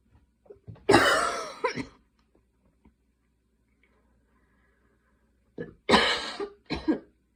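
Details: Night coughing fit at 12:30 am while unable to fall asleep: two bouts of harsh coughing in a quiet room, each a strong cough with shorter follow-ups, separated by seconds of silence.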